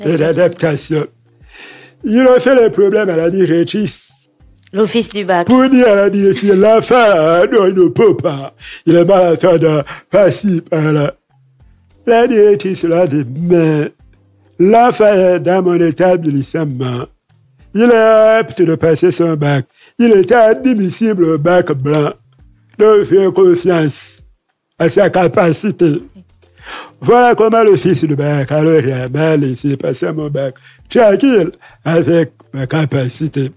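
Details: Deaf man who lip-reads, with hearing loss from a childhood illness, who says his voice is not normal because of it; speaking French; deaf speech.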